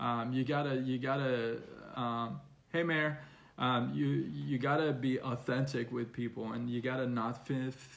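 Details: Stuttering in an adult man, onset around age six, persisting though reduced after speech therapy.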